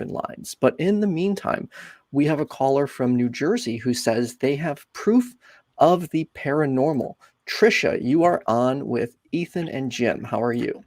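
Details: Adult male speaker; typical speech.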